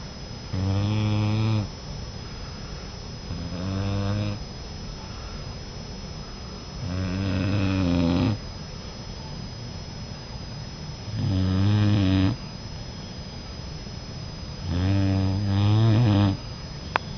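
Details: Boxer puppy napping and snoring: deep, rattling snores on each breath in, about 15 a minute, steady and unlabored, over a faint constant room hum.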